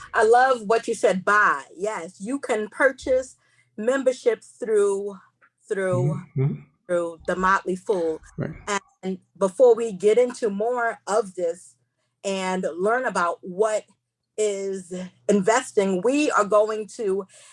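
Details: Stuttering in a female seminar host who describes herself as a stutterer, proud of it, and says she will stumble over words during the seminar.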